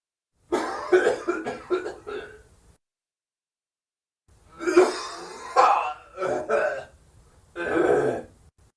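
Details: Adult man acting a dry, forced cough as a sound effect: two bouts of short, dry coughs without rattle or phlegm.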